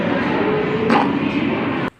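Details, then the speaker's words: A child's noisy breathing as a sign of breathing difficulty: a whistly sound like a blocked nose and a wave-like rattle of phlegm in the throat and upper airway. "คลิปเนี่ยก็จะได้ยินเสียงเหมือนเสียงดังฟี๊ดนะคะเสียงเหมือนจมูกตันนะเราก็จะได้ยินเสียงคลื่นเนี่ยเป็นเสียงเสมหะในลำคอ"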